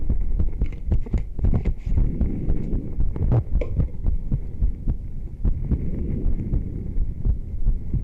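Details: Steady low thumping of ordinary normal heart sounds, recorded through a stethoscope microphone secured to the chest during a yoga session, with faint clothing rustle, breathing and a light background hum.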